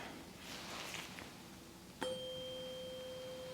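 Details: A soft strike, then a pure steady ringing tone from a tuning fork placed during a bedside ear exam hearing test, checking left then right ear; tuning fork hearing test.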